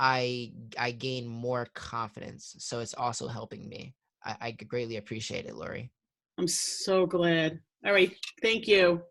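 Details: 21-year-old client of a stuttering therapy practice, with audible word repetitions; stuttering.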